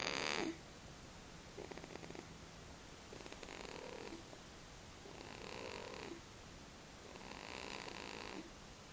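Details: Light snoring in a sleeping baby: soft, rough, rattling breaths repeating through sleep, each lasting a second or so.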